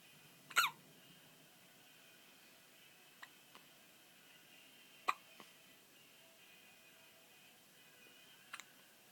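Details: 12-day-old with hiccups who then falls asleep: a few short, sharp hiccups at irregular intervals in a quiet room.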